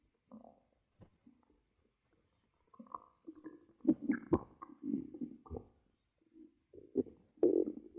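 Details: Close-up ASMR recording of ordinary stomach growling from the belly: gurgling, rumbling bursts; normal bowel sounds (borborygmi).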